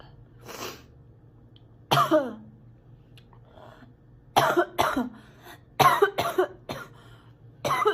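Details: Sick girl coughing a lot and spitting: repeated harsh coughs in short bursts, roughly nine, some with a throat-clearing quality, separated by quiet pauses.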